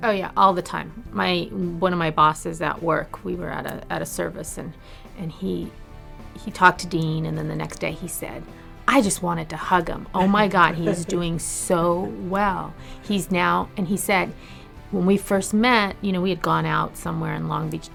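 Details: Adult woman speaking; normal speech.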